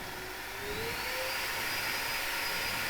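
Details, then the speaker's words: Dental simulator (phantom table) suction in a dental school skills lab, switched on to suck debris from the table, with adjustable airflow speed: steady rushing airflow with a rising whine as the suction speeds up, running normally. "Jadi kalau menghidupkan saxon yang ini Ini fungsinya untuk menyedot kotoran yang di meja"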